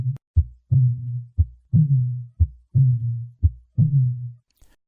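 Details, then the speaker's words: Low, musical cooing murmur after each beat at about 59 per minute: a cooing dove murmur of aortic regurgitation caused by rupture of an aortic cusp. "rupture of an aortic cusp can result in a cing dove murmur this type of murmur has a unique auditory signature"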